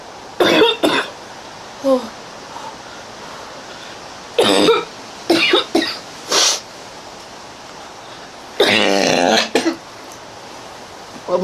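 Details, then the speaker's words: Harsh, loud coughs in clusters over eleven seconds, about eight bursts, one drawn-out: a coughing fit in a girl with a runny nose, who says afterwards she cannot catch her breath. "I didn't catch my breath. I'm never going to catch my breath. That was horrible."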